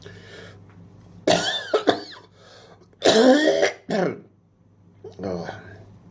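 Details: Adult coughing outdoors on a terrace in Dubai while pigeons feed: several harsh, throaty cough bursts with throat clearing, separated by pauses, over a low outdoor hum; ordinary cough.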